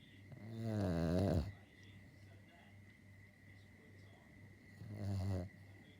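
Two deep, rattling snores about four seconds apart in a quiet room with a steady faint hum; ordinary snoring in a sleeping dog.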